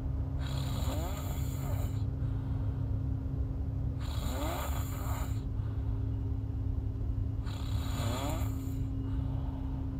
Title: Snoring girl